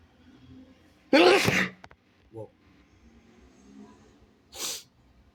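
A single loud, explosive sneeze, muffled at the end, followed by a brief sniff and a short breath out.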